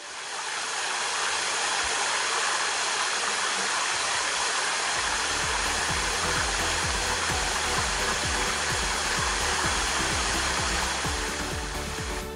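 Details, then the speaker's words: Disposable bubble humidifier for low-flow oxygen therapy run at too high an oxygen flow rate: steady loud hiss of rushing gas with bubbling, the pressure-relief leak or whistle. "if you use it on the high flow rate as oxygen you will hear this sound of leaking or whistles"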